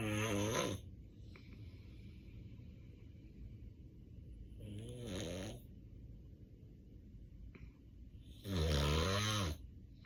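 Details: Real, unacted daytime nap of a sleeping adult with sleep apnea and daytime sleepiness. Loud, rough snores recur about every four seconds: snoring in obstructive sleep apnea.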